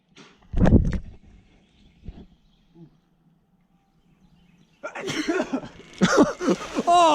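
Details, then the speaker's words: A single abrupt sneeze burst, then a quiet pause, followed by laughter and excited talk from others nearby; sneezing. "dude oh dude did you see that bro lily's sneezed and hunter just went right through his knees that was so gross"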